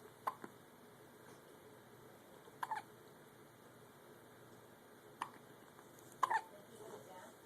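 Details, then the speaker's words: Newborn twins both hiccuping at the same time, soft quiet hiccups in brief clusters every few seconds; hiccups. "Y'all both have the hiccups. Mom, do you hear this? Y'all both have the hiccups."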